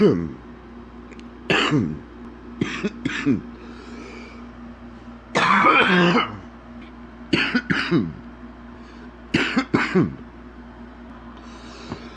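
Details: Adult man sick with an extremely stuffy nose: several deep, harsh cough bursts with a loose, rattly quality and throat clearing, steady room hum behind; a deep wet productive cough.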